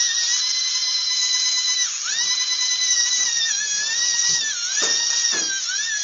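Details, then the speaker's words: Surgical extraction of a dog's canine tooth with an abscess around the root, seen on x-ray: after a gingival flap is raised, a shrill high-speed dental drill whines and dips in pitch under load as it cuts bone around the root. "that's what we're going to use the high-speed drill. We're going to drill out the bone to find the root of the tooth."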